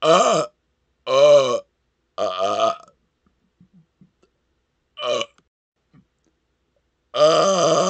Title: Burping With A Decibel Meter & Breaking The Current World Record Loudest Burp!